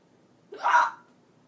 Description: hiccups. hic.